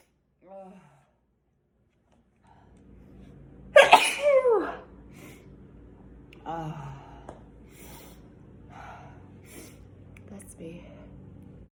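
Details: Sprayed sneeze: one loud, explosive sneeze with a sharp intake and burst of air, followed by quieter sounds in a small room.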